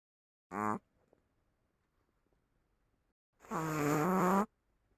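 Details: Chihuahua snoring with two squeaky, whistling nasal snore sounds separated by silence; a harmless sleep noise.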